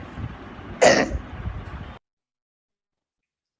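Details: Barking cough in a child with tracheomalacia, also with vocal cord dysfunction, mild obstruction on spirometry and normal CT.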